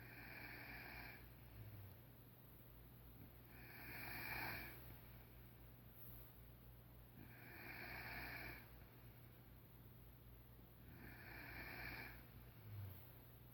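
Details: Sleeping female snoring while being teased about it: rhythmic rasping snores on each breath, about four in the clip, roughly 17 breaths a minute, over steady low room hum.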